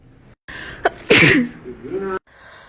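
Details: Sneeze from a short sneezing compilation: a quick in-breath, then one loud, explosive sneeze trailing into a voiced sound.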